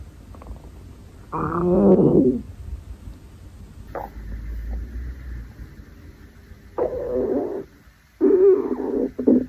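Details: Hungry girl's stomach growling, from a compilation: several gurgling, creaky rumbles of varying length with quiet gaps, normal hunger borborygmi.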